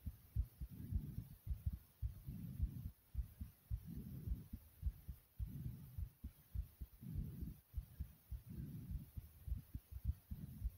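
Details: Heart thumping strongly after exercise: strong, fast thumping heartbeat at about 105 beats a minute, with a recurring soft whooshing between beats.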